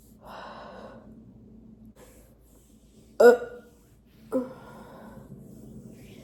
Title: cute girl drinking chocolate milk | burps & gurgles